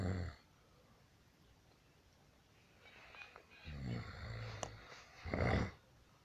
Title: Husband Snoring